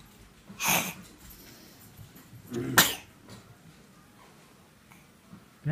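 Two sharp sneezes a couple of seconds apart in a quiet room.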